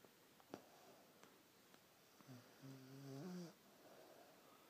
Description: Rasta snoring with her tongue flapping